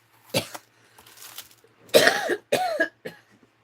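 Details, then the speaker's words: An adult on a livestream gives a series of short, harsh coughs with throat-clearing sounds, saying something got in the throat; coughing from throat irritation. "off. I'm going to have to go on mute for a minute cuz I got a coughing throat here thing. Man, I hope you guys didn't hear that."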